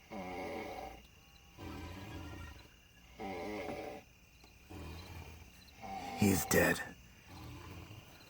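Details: Loud, rough, rattling snores on both in- and out-breaths, about 20 breaths a minute, with a sharp click partway through: heavy snoring.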